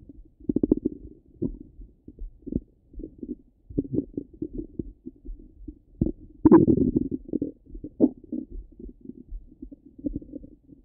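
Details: Normal active bowel sounds (borborygmi) from the stomach: frequent low gurgles and bubbling rumbles with a longer burst midway.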